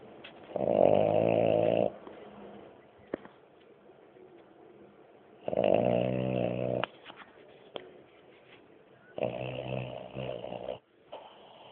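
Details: Loud, rattling snores from a sleeping French bulldog, three in about twelve seconds, with quiet pauses between: snoring.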